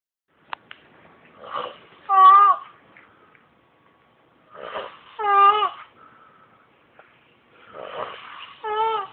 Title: Funny! Hilarious! My Friend Snoring Like a Dying Cat